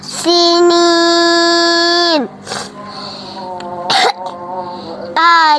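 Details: A child coughs twice, short and sharp, while chanting a Qur'an recitation; the chant resumes afterward: cough.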